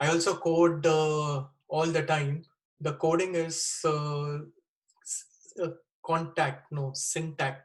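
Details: Wernicke's (fluent) aphasia in a 36-year-old man after a stroke with bleeding in the left side of the brain, dated April 2019 (also given as April 2020).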